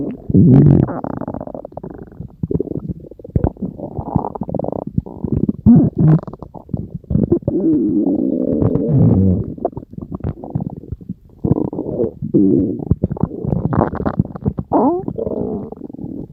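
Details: Stomach growling (borborygmi): continuous low gurgling and rumbling from the belly with rising squeaky notes as gas and fluid move through the gut.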